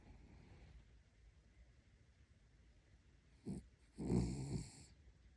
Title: Snoring sleeping cuteness puppy #puppy #views #dog